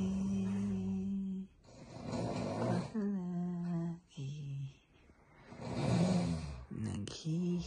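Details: Snoring at night, entered in a snoring contest: long, rough, droning snores with some tonal, hum-like sounds, possibly from more than one sleeper.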